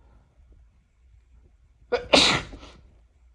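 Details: Male sneezing during an unusually tickly session, unsure whether he is sick: a quiet breath in, then one loud, sharp burst of air with a hissing tail; a single sneeze.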